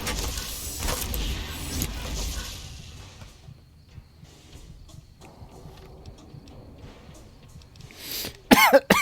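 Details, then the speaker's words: Brief cough burst with a whistling, wheezy edge near the end, over quiet game sounds; the streamer says it is them wheezing. "you're wondering what the [ __ ] that noise is it's me wheezing"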